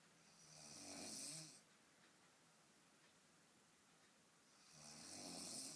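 Two long, harsh, hissing breaths about four seconds apart with a quiet pause between, typical of snoring in sleep.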